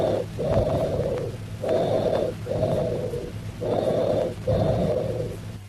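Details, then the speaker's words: Teaching recording of tubular breath sounds: high-pitched bronchial breathing, with expiration louder, higher pitched and as long as or longer than inspiration and a pause between them, as in lung collapse with partial bronchial obstruction or malignancy. "Listen to the high-pitched tubular bronchial breath sounds. Also note the characteristics of bronchial breath sounds. That is, expiration is louder and higher pitched than inspiration."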